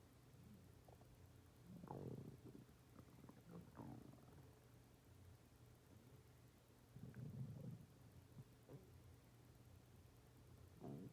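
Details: Stomach growling (borborygmi).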